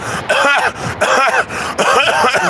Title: LAS VEGAS AUDITOR COUGHS REPEATEDY DURING LIVE AUDIT